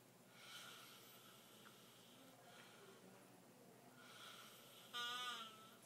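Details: Faint, high-pitched, whistling breath sounds ending in a louder squeaky snore during sleep, loud enough to wake someone across the house and be mistaken for a bird; snoring.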